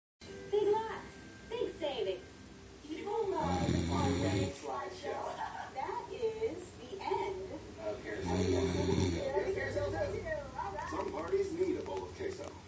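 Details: Snoring of a sleeping dog, louder than the TV: loud, rattling snore bursts over television talk in the background.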